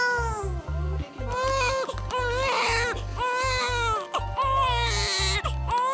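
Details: A newborn boy cries moments after a surgical birth, about 15 minutes after surgery began; despite a late-pregnancy spina bifida scare, he is healthy without spina bifida; newborn cry.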